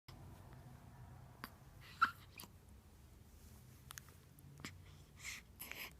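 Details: Hiccups in a 5-day-old newborn: soft, sharp little catches at irregular short intervals over quiet breathing in a still room.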